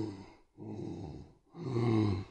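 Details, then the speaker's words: Death rattle (terminal respiratory secretions) in a dying patient who has difficulty swallowing and secretions pooling at the back of the throat: loud, wet, gurgling breaths, about two cycles in two seconds. "this is because swallowing becomes more difficult and secretions may pull at the back of the throat these accumulated fluids may cause a noisy breathing that is known as the death rle and sounds like"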